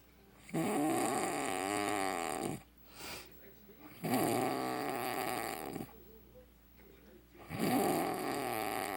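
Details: Adult man sleeping with his mouth open, snoring like a bullfrog: loud, rattling, croaking snores about every three and a half seconds (roughly 17 a minute), with quieter breaths between. Heavy open-mouth snoring.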